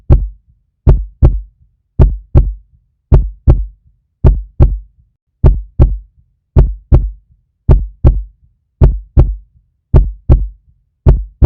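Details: Puppy heartbeat: a steady, clean lub-dub at about 54 beats a minute, with evenly spaced paired thumps in a regular rhythm; a normal heartbeat.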